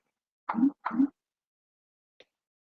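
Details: Resonant percussion note.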